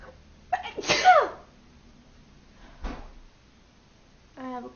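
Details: A quick indrawn breath, then one loud explosive sneeze, followed by a softer sniff and a brief voiced sound; a single sneeze.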